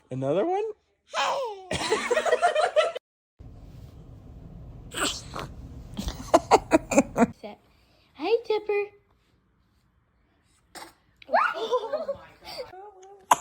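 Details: Baby: several short explosive bursts with an airy, noisy quality, small infant sneezes, between soft baby vocal sounds and quiet pauses; sneezing.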